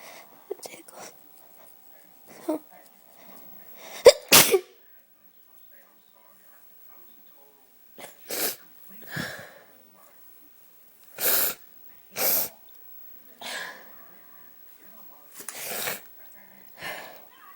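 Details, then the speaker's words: Sneeze induced by tickling the nose with paper while feeling a little stuffy: breathy build-up, then a loud burst sneeze followed by several sniffs and short breaths; an ordinary sneeze. "I can feel it coming. Wow. It's a big one. Wow. There's one more."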